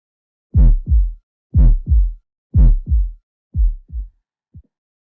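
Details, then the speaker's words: Normal first and second heart sounds (S1, S2), from closure of the tricuspid and mitral valves, then the pulmonary and aortic valves: regular paired lub-dub sounds at about 60 beats a minute. "El primer ruido cardíaco se produce por el cierre de las válvulas tricúspide y bicúspide. El segundo ruido cardíaco se produce por el cierre de las válvulas sigmoideas, la pulmonar y la aórtica."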